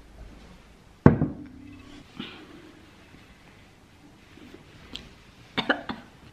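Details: Sick-day coughing from a person who says they have anemia and fall ill often, around steam inhalation with Vicks: a single sharp cough, then a few quieter coughs and throat sounds in a small room.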